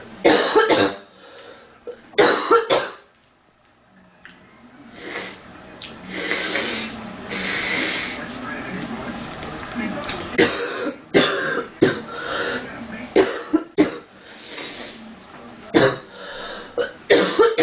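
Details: A girl with a stuffy, itchy nose in cold weather, coughing: repeated harsh cough bursts in clusters, roughly a dozen, with a quieter breathy stretch between; a persistent cough.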